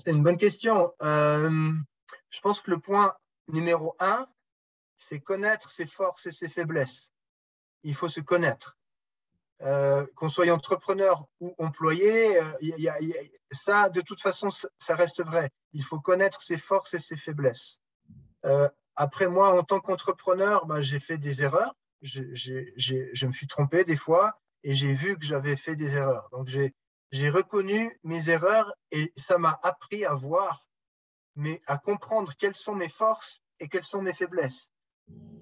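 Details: 44-year-old man who stutters, speaking French; speech much improved over the years, still stutters a little from time to time in French, more in English: stuttering.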